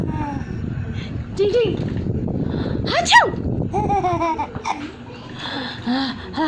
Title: sneeze